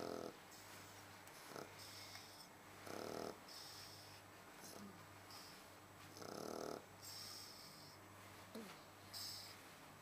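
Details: Sleeping Shar Pei dog snoring in rough, rattling bursts about every three seconds, with whistly exhales between them over a steady low room hum; snoring.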